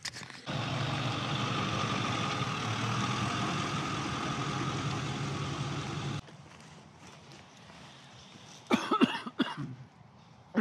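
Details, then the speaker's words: Asthma cough in an adult allergic to hay, brought on in an enclosed barn without an inhaler: a short run of harsh coughs after loud engine noise. "I'm actually allergic to Hay so being in the barn in an enclosed space kind of brings on my my asthma a little bit I'll be fine"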